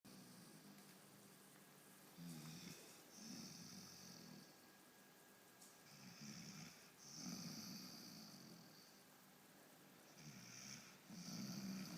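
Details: Spud snoring with eyes open: rough, rattling snores repeating unevenly, roughly 15 a minute, against a quiet room background.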